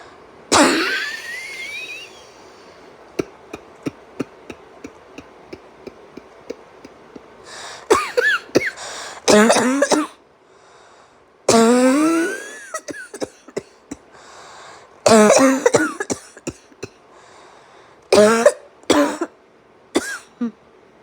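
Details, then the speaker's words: An adult deliberately demonstrates a voluntary cough sequence: a held wheezy inbreath, muffled suppressed little coughs, then barking coughs and open, uncovered coughs. "And then once I feel like I'm running out of breath, I'll let out like a bark. Like And then after that, I take a breath and then just open my mouth and let the cough go uncovered."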